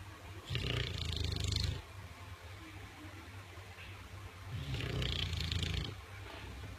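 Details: English bulldog snoring in its sleep: two long, loud, rattling snores with a deep rumble and harsh hiss, quieter breathing between them; loud dog snoring.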